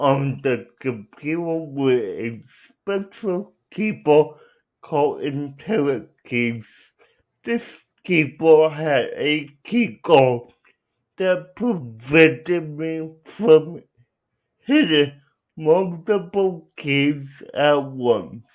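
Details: Young adult man with cerebral palsy who uses a wheelchair, out of school six years; dysarthria (cerebral palsy).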